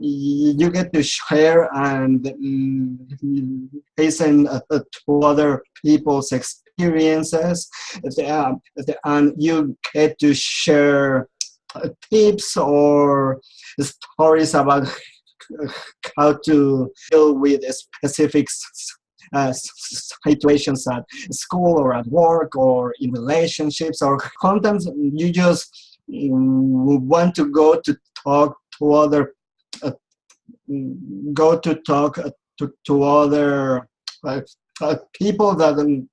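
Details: Adult who has stuttered since age 4, attended speech therapy, and still clearly stutters; stuttering.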